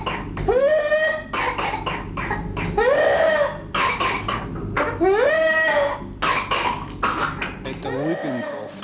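A child's rapid bursts of coughing, each ending in a long, high-pitched, rising whoop as breath is drawn in.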